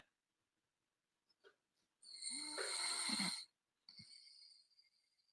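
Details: Loud, harsh, high-pitched grating snore on the in-breath, likened to braking truck brakes, then a quieter second snore, from someone who fell asleep before going live and denies snoring: heavy snoring.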